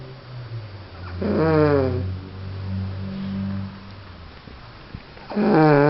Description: Quiffy lying on the couch snoring his head off